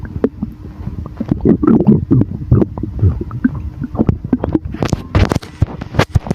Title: Rumbling sound of air in the stomach after drinking Sour